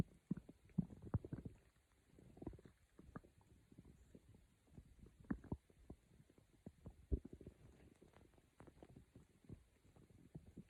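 Quiet, irregular low gurgles and rumbles from the abdomen; ordinary bowel sounds of digestion.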